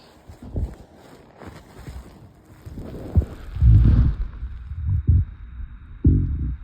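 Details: Hunger stomach growls after 24 hours without food, recorded after a busy workday with skipped meals, stomach hurting: low rumbling, gurgling sounds in uneven bursts; borborygmi.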